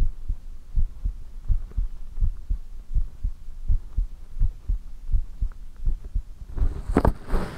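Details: Heartbeat recorded for ASMR: steady paired low thumps at about 80 beats a minute, ending in a brief rustle; normal heartbeat.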